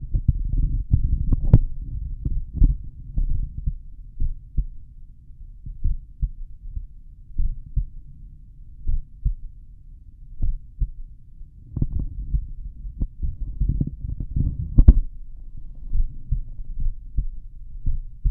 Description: Here’s another slow file for you all, recorded at my mitral valve this time. As usual, I was just lying on my back.